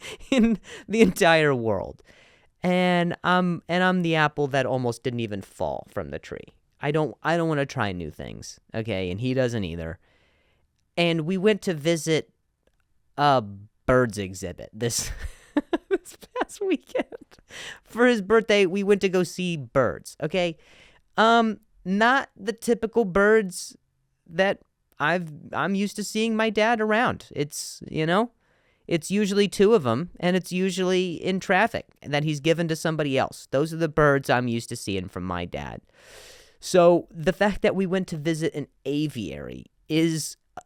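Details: Adult male comedian who stutters, speaking on his podcast with word repetitions; stuttering.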